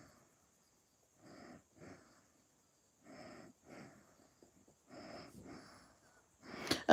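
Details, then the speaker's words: Soft, rough snoring in pairs about every two seconds, from a sleeping dog heard during a chat; snoring. "uh did y'all heard me because i said hear that snoring is that danielio"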